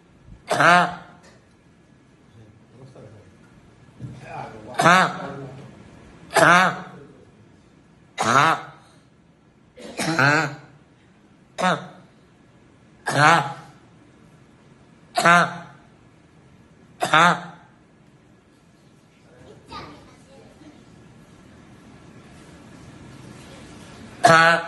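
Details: Patient with Tourette syndrome, described as an inherited tic disorder with motor and vocal tics starting before age 18, producing involuntary, partly suppressible, embarrassing vocal tics.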